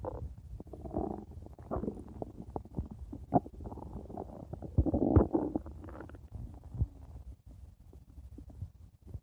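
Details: Stomach growling (borborygmi): irregular gurgles, squelches and bubbling pops with brief quieter gaps, ordinary active bowel sounds.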